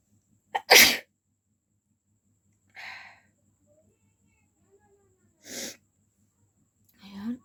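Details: Woman deliberately inducing sneezes with paper in a sneezing challenge, fan running: one sharp sneeze followed by a few softer sneeze-like bursts in a quiet room.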